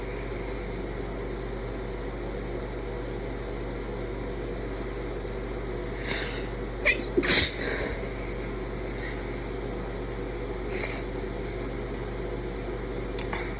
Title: lots of induced sneezes and stifles, attempted holds, nose blows, sniffles